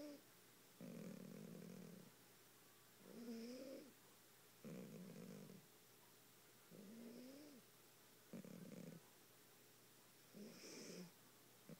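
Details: 18-year-old cat snoring loudly while asleep.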